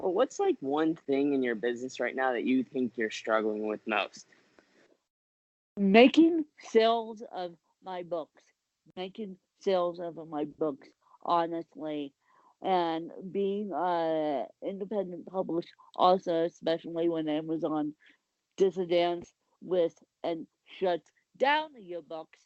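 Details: Adult woman with cerebral palsy; the specific speech difference is not named; speech in cerebral palsy (dysarthria).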